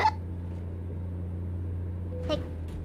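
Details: Streamer gets hiccups while talking during a live-streamed American Truck Simulator session: two brief, sharp, catching hiccup sounds about two seconds apart over steady room hum.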